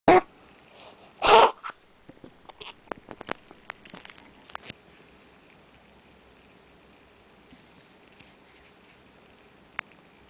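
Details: Animal coughing and near-vomiting after running too much: two sharp, harsh bursts, then faint clicks and snuffling in a quiet room.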